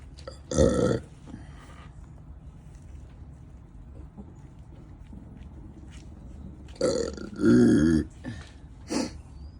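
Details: A short belch, then a longer croaking belch and a brief final burp in a quiet room; repeated burping.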